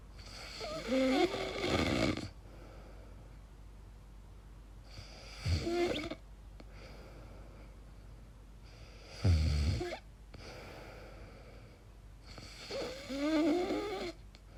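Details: Person recording their own sleep, unsure whether it is snoring or sleep apnea: irregular snorting, whistling and groaning snores, about 16 a minute, with quiet pauses between; noisy snoring.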